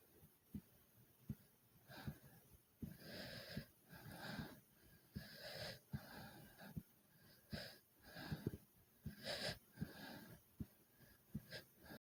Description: i did alot of jumping jacks which made my breathing heavy and my heart was fast